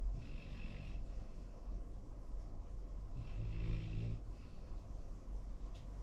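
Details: Soft rhythmic rattling snores on each breath over a steady background hum: a sleeping Labrador–golden retriever mix dog snoring.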